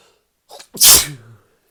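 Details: Sneeze while drunk: a short in-breath followed by one loud, forceful sneeze.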